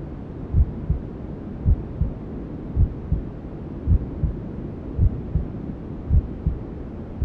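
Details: Newborn-sleep ASMR simulating womb sounds: steady paired lub-dub thumps at about 54 a minute over constant soft whooshing white noise; a mother's heartbeat as heard in the womb.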